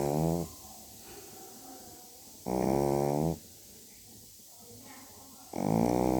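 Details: Small dog snoring in sleep: loud, rhythmic snoring on each breath, roughly three snores over six seconds with quiet pauses between.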